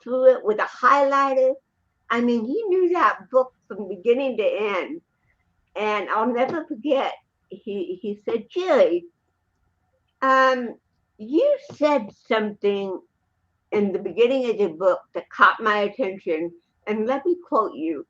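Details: Adult woman with cerebral palsy; dysarthria (cerebral palsy).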